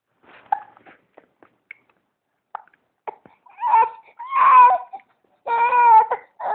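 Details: 3-month-old infant with hiccups: brief sharp catches at irregular intervals, followed by fussing vocal sounds and short cries.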